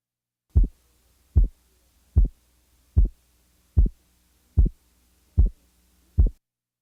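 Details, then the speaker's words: Simulated regular heartbeat at about 75/min with a split second heart sound: the aortic and pulmonic closures are 50 ms apart, aortic first. Split second heart sound (50 ms). "Now, listen to a second sound splitting interval of 50 milliseconds."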